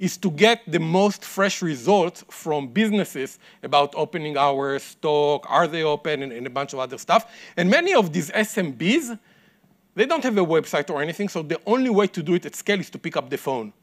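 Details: Adult male speaker; normal speech.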